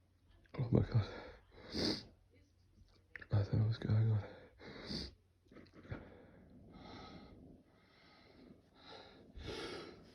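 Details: Person with candle allergy and a cold sneezing: several sharp repeated sneezes, some after catching breaths, in a small room.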